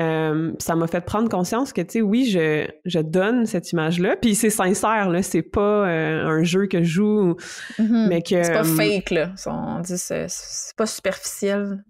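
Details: Stuttering in an adult man who describes himself as a person who stutters and mentions hearing his own blocks; spontaneous French conversational speech.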